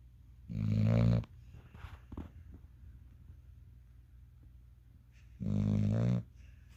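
Two deep, rumbling snores about five seconds apart from a sleeping puppy, with soft breathing between; ordinary snoring.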